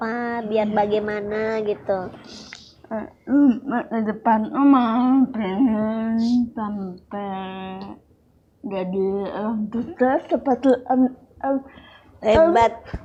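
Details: Young woman with cerebral palsy and speech difficulty since childhood; dysarthria (cerebral palsy).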